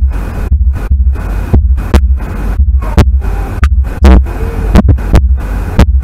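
Steady paired lub-dub heartbeats at about 60 a minute, normal first and second heart sounds only.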